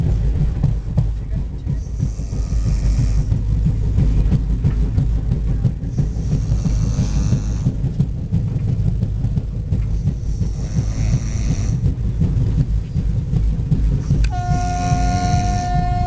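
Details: Loud, rough snoring about every four seconds over a heavy low rumble, ending with a tone; snoring.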